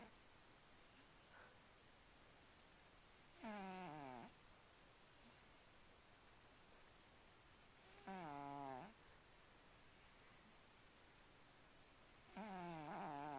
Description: cat snoring really loud!